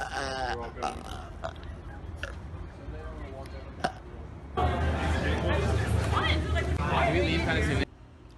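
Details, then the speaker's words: Person trying to burp on command; they say they are particularly gassy. Brief talk, then a long, loud, low rumbling burp lasting about three seconds. "I currently don't have anything fizzy, so I'm gonna try to make myself burp using water. Just gonna suck in a lot of air."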